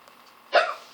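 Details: Girl with hiccups: one brief, abrupt voiced hiccup, which the uploader notes doesn't even sound like hiccups, against low background noise.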